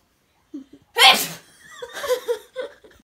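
A short intake followed by one explosive, hissing sneeze, then brief vocal sounds: a single sneeze.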